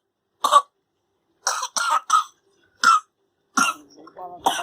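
Several short, sharp coughs from a baby with pauses between them, then a brief whimper: a cough with a cold.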